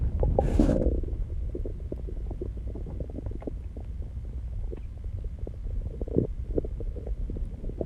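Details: Stomach growling: low, irregular gurgling and rumbling with a brief louder gurgle near the start; borborygmi.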